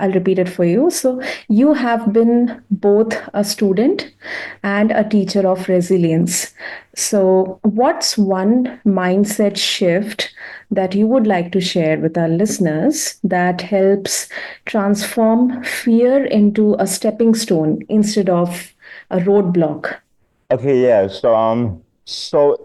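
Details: Adult woman; typical speech.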